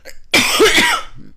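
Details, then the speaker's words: Adult woman with an uncontrollable, persistent cough through the recording; one loud, harsh cough burst she cannot stop. "What I'm going to do... I'm going to stop this video because I'm just coughing my whole way through it."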